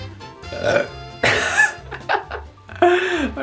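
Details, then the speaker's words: Adult repeatedly burping and complaining of being gassy: several loud, drawn-out burps in quick succession over background music. "okay that's staying good i think that's staying in a blooper reel i think why the [ __ ] am i burping [Music] why the [ __ ] am i so gassy"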